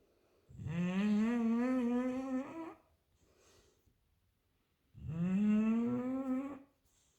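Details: Two long, loud, droning breath sounds with a humming, tonal quality: loud snoring from a sleeping English bulldog.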